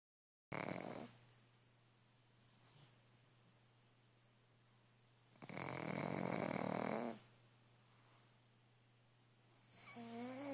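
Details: Sleeping pug snores with soft rattling snores, each followed by a quiet gap, over a low steady room hum; the owner asks if it is dreaming. Ordinary snoring in a sleeping dog.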